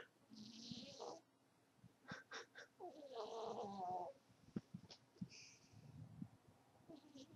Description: My cat, Charlie, snoring as he sleeps